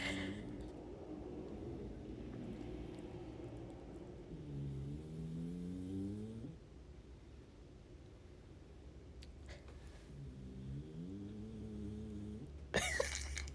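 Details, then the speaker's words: Pug snoring while sleeping in his dog bed with face smushed, slow drawn-out rattling breaths rising in pitch, against low room rumble. "You hear that? That's my dog. That's Sherman. He's snoring."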